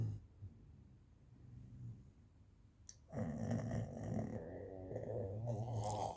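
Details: Snoring in a sleeping dog: low, rumbling, snorting breaths that grow louder and rougher partway through.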